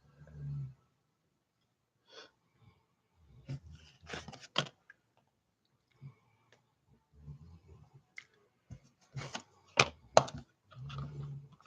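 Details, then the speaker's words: A dog snoring in the background of a room: low, rumbling snores recur about every three to four seconds, roughly 16 a minute, amid clicks and quiet room noise; snoring. "My dog is snoring in the background. Y'all hear it?"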